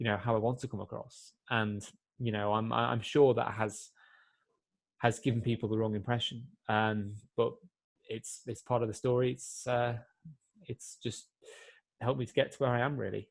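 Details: Adult man who has stammered since he could speak and also has epilepsy; he is more fluent before large crowds than on the phone or one-to-one, and still gets complete blocks; stuttering.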